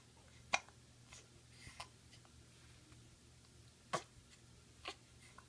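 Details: Infant hiccups: three brief, sharp hiccup sounds, irregularly spaced, in a quiet room with a low hum.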